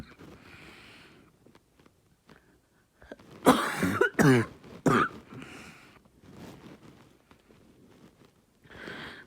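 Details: Three harsh, hoarse coughs close together amid quiet breathing; barking cough.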